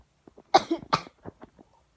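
Two forceful, hacking coughs from an adult, followed by a few soft breathy catches.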